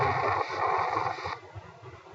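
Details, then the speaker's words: Chest auscultation teaching example: a harsh, grating, broken-up sound that fades after about a second; pleural friction rub. "mechanism of plural rub as we said plural rub is usually associated with the putic pain chest pain or may be he over areas of inflamed plural common curses of plural rub monary infection and pneumonia this is the most common cause"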